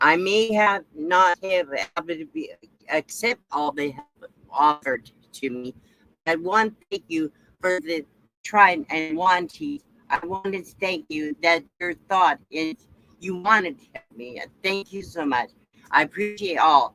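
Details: Adult woman with aphasia after stroke, real, recovering; she says her speech is still impaired; residual speech impairment; aphasia after stroke.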